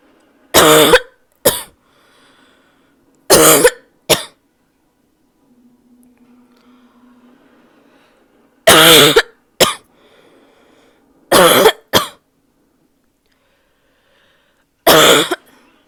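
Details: Female: harsh barking coughs in pairs, a strong burst followed by a shorter one, with quiet between.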